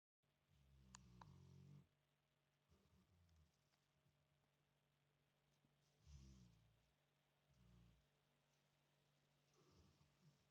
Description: My American bulldog snoring like a human. His snoring is loud. He keeps me awake at night sometimes